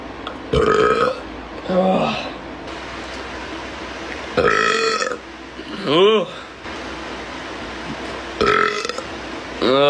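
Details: Boy gamer burping: several loud, drawn-out voiced belches, each under a second, over room noise.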